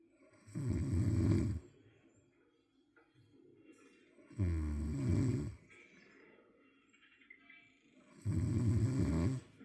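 Three loud, deep, rattling snores roughly every four seconds, about 15 breaths a minute, with quiet breathing between; snoring.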